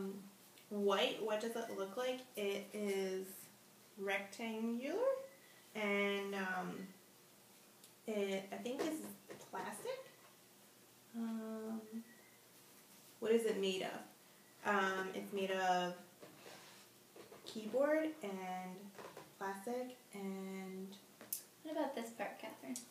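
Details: Woman with anomic aphasia after a stroke, in her third speech therapy session using Semantic Feature Analysis, describing an object without retrieving its name; anomic aphasia.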